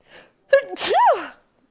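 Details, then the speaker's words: Female streamer's single sneeze: a quick voiced inward gasp, then one sharp explosive sneeze with a rising-falling vocal tone; she says sneezing sometimes gives her chills. "oh thank you for the blesses all right to sneeze [ __ ] hell oh give myself chills sometimes when I sneeze"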